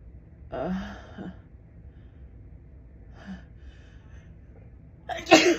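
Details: Woman's morning allergic sneezing attributed to dust blown by a fan running all night: two gasping inward breaths build up, then a sharp, explosive sneeze.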